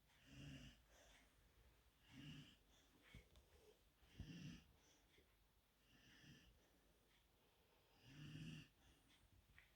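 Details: Golden Retriever puppy lying on a couch, tired after a morning walk and play, sleeping with regular noisy breathing, about 15 a minute, and a low snoring rattle on each breath.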